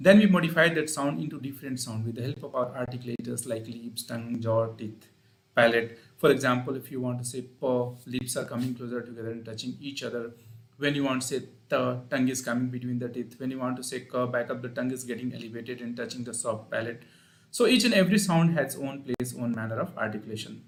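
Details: Adult male speaker; normal speech.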